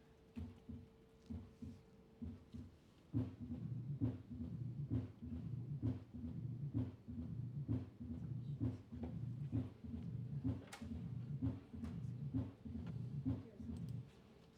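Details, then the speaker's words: Mitral stenosis: three normal beats, then a low-pitched rumbling diastolic murmur between beats, heard with the stethoscope bell applied lightly at the cardiac apex with the patient in the left lateral position. "The diastolic murmur is low pitch and rumbling in character."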